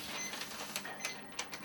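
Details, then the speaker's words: ECG machine printing a tracing for a 25-year-old male keen runner undergoing heart screening: steady mechanical whirring, soft clicks, faint tones; result read as normal sinus rhythm, healthy heart. "So I've just had an ECG and it shows that my heart is healthy and beating normal for somebody my age and weight, which is a massive relief."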